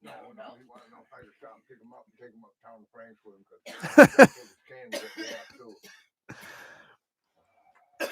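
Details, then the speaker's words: Woman with coughs and sniffles from a cold gives two sharp, loud coughs in quick succession amid quiet talk in a small room. "and as you can hear amy's got the coughs and the sniffles"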